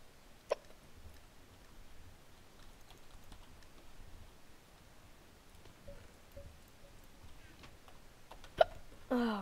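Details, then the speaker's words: Hiccups while playing a Minecraft Sky Wars game: two sharp, sudden catches in the throat about eight seconds apart, over quiet room noise and faint game sounds. "I'm telling you it's the hiccups see I'm not actually bad it's just the hiccups"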